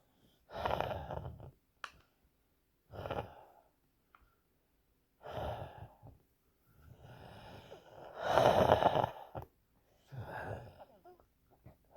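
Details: Imitated wheezing: forced, sighing breaths with a brief whistling tone on one breath.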